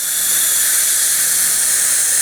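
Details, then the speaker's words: Steady high-pitched hissing whine of a dental handpiece running a porcelain polisher, part of a three-step green-blue-yellow system polishing an adjusted porcelain restoration after bite adjustment. "again the three-step system is meant to be very easy to use and very quick so just go green blue and yellow but make sure you use each one"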